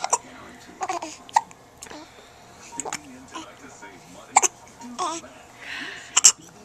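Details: Infant boy with hiccups, about five sharp, abrupt hiccups at fairly regular intervals, roughly every 1.5 seconds, with soft adult talk behind; recorded on a Flip Video camcorder.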